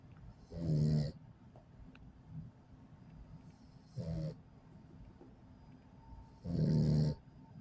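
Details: Three short rattling snores about three seconds apart, near 20 breaths a minute, from a sleeping 8-week-old Pit Bull puppy after a 2-mile walk; ordinary sleep snoring.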